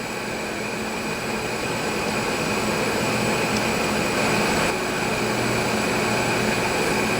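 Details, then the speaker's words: Philips Respironics DreamStation CPAP running at prescribed 10 cm H2O with ramp starting at 5 cm H2O, rising over 5 minutes, humidifier heater off; steady whooshing airflow with faint motor hum, ramping up from lower start. "the reason to use the ramp is to start out at a lower pressure and gradually work up to your prescribed pressure in this scenario it's 10 cm of water pressure"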